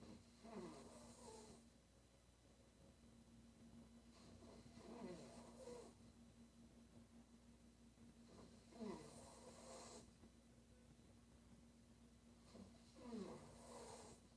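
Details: Female sleeper snoring: rough, fluttering snores with noisy exhalations, about 14 breaths a minute, over a steady low room hum.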